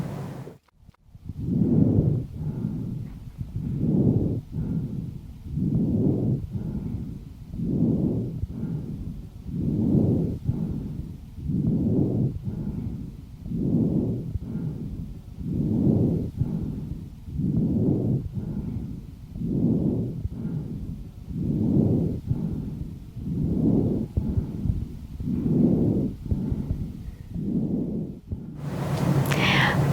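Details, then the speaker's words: Paediatric auscultation: rough, loud harsh breath sounds with inspiration to expiration ratio 1:1, seen in bronchospasm or bronchial mucosal oedema, or normally over the right lung apex. "Но жёсткое дыхание может быть выслушано и в норме над верхушкой правого лёгкого за счёт более короткого и широкого правого бронха. Давайте прослушаем жёсткое дыхание."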